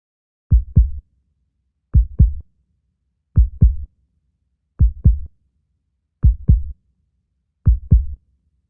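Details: Clean, regular lub-dub heart sounds, slow at about 42 beats a minute, with no background noise: a beating heart.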